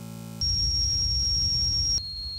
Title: What Does Tinnitus Sound Like?